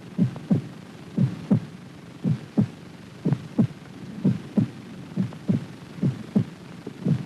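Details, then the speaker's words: Paired low thumps at about 60 per minute with steady background hum: heart sounds recorded alongside an optical light-spot motion recording of the heartbeat to time valve action; 1953 television research film. "the light is moving in response to the beat of the heart we record the heart sound at the same time to identify the action of the heart valves"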